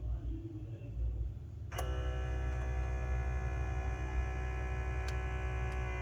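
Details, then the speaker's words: moonO hand-pillow automatic blood pressure monitor starting a measurement with the hand resting on the pillow: small pump motor hums steadily as the cuff inflates; reading afterwards 120/67 mmHg, pulse 76 per minute, announced as normal. "The design of the hand pillow not only increases comfort, but also positions the hand in the optimal state for accurate measurement. Starting measurement. Please relax."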